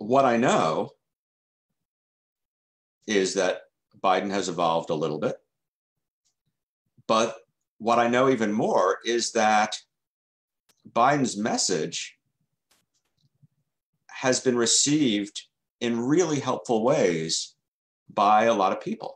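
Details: Stuttering in an adult man who has stuttered since childhood and has been in the stuttering self-help movement since 1992.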